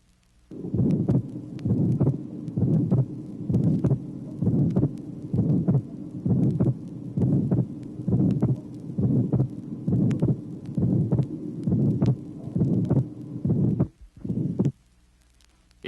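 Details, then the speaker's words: Regular heartbeat near 66 a minute, from a 1967 vinyl teaching record: widely split second sound with the pulmonary component always last, plus a soft systolic murmur. "tracing number three more widely split second sound the pulmonary component always being last in addition there is a systolic murmur"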